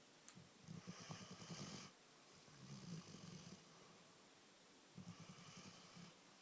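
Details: Milo, snuggled against someone, gives soft, rhythmic, rattling snores, three bursts over about six seconds with quiet pauses between them; snoring.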